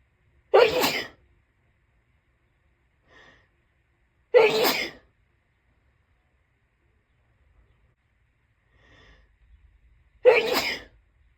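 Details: Tickly sneezes: three separate sharp sneezes about four seconds apart, each preceded by a faint inhaled catch, in a quiet room.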